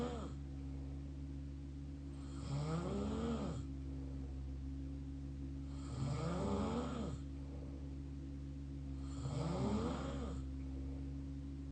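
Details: Mouth snoring: loud rattling snores through the mouth about every 3.5 seconds (roughly 17 a minute) over a steady low room hum.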